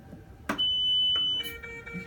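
A single sustained high electronic beep from a mechanical ventilator during its self-test, with faint room noise.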